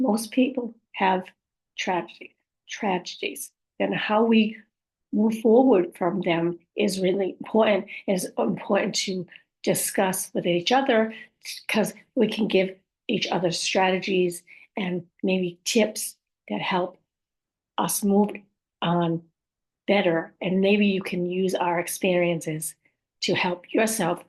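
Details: Adult woman whose communication challenges were caused by a stroke; post-stroke aphasia with apraxia of speech and dysarthria.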